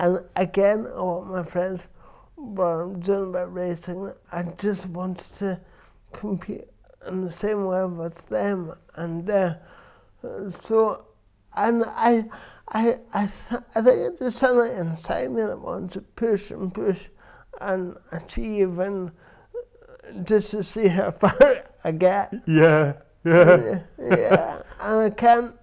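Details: Dysarthria in an adult man with cerebral palsy since birth, which he says affects his verbal communication, balance and coordination.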